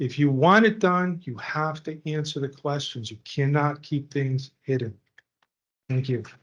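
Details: Adult speaker; normal voice.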